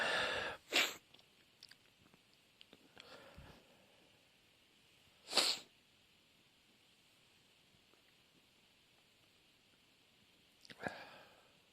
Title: Dusty Sneezing Fits